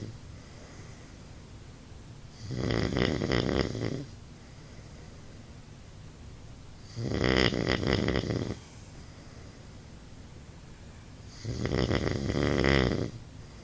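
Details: Adult man (husband) snoring: three loud, rattling snores on each breath in, with quiet pauses between, about 13 breaths a minute; ordinary snoring.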